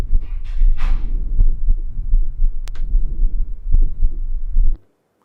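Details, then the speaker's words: Dog, stethoscope over the lung field: soft, gentle, low-pitched normal vesicular breath sounds with heartbeats thudding underneath. "So I've got one recording here, but we need to pay attention in order to to appreciate how gentle and low pitch this sound is."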